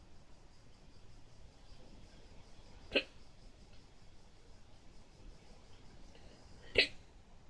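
Two sharp, abrupt hiccups about four seconds apart against quiet room noise; ordinary hiccups.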